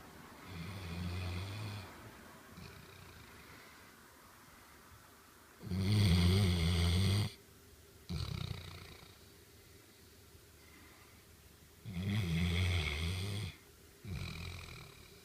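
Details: Old male dog asleep, snoring a lot: slow, deep rumbling snores about one every few seconds, with quiet breaths between.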